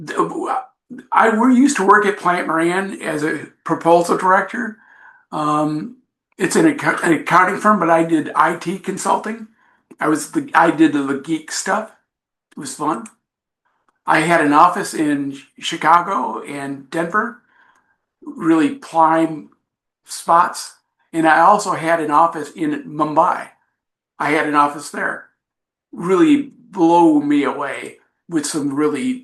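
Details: Adult man with aphasia from a traumatic brain injury in a bike accident, with coma, about 15% of the brain lost and skull surgeries. Aphasia persists about 5 years later. Finding: aphasia.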